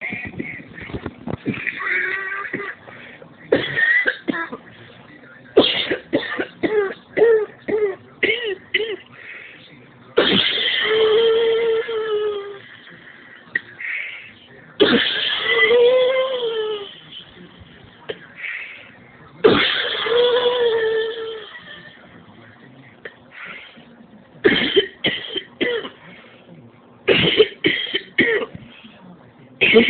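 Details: An adult coughs in repeated harsh fits, with forceful throat-clearing and hacking between bursts; persistent cough with no improvement.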